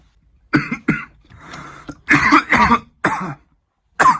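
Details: An adult man coughs six times in quick succession, with a noisy breath between bursts.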